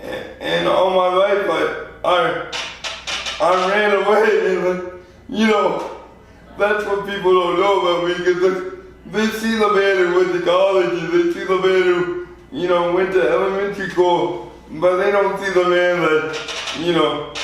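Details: 24-year-old man with lifelong spastic quadriplegic cerebral palsy, born prematurely weighing 2 lb 4 oz; real patient; spastic dysarthria.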